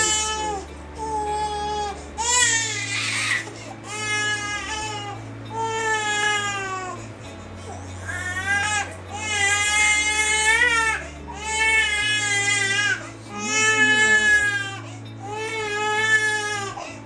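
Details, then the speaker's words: Infant girl crying at night with severe stomach ache and cramps recurring every 15 minutes, parents link to Cerelac: sustained, high-pitched, distressed crying in long repeated bouts over background music. "But उसके बाद every 15 minutes में को pain start होने लगा था"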